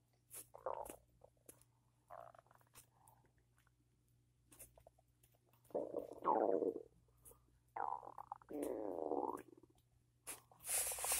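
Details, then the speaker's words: Loud, irregular abdominal gurgling and rumbling in the morning after cereal with peanut butter and coffee; borborygmi. "I had cereal with peanut butter. Is that why my stomach's making all that noise?"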